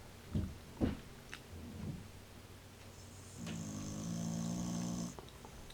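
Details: Old cocker spaniel snoring loudly enough to be heard through the house: loud, rough rattling breath sounds with a drawn-out buzzing snore on inhalation while asleep.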